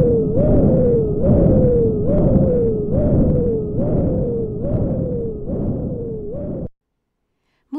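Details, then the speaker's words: Dialysis arteriovenous fistula: high-pitched, howling whoosh with each pulse, about 70 a minute, systolic component only with loss of diastolic component; abnormal howling bruit suggesting stenosis. "a high-pitched howling bruit with only a systolic component and loss of diastolic component may indicate stenosis"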